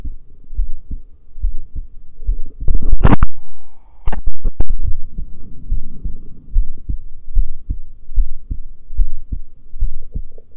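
Regular low heart thumps through a stethoscope with some handling bumps; ordinary heart sounds over the valve listening areas.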